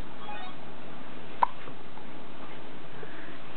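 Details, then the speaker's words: Daughter with hiccups, which upset her: a single sharp, abrupt hiccup against steady, quiet background noise. "You got the hiccups."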